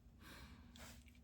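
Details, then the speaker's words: Large dog sleeping beside its owner starts to snore, working his way up to a good snore. "He's starting to snore. Yeah. I don't know if they can hear it on the camera or not but he's he's working his way up to a good snore."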